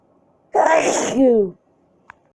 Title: These sneezes did nothing to relive the tickle in my nose